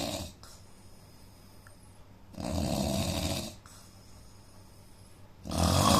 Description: indian man snoring sound asmr soud problem with nose